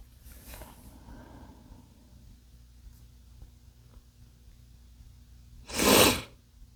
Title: male chinkni sneezes (read description)